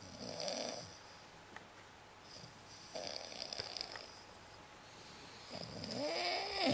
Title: Socks and snoring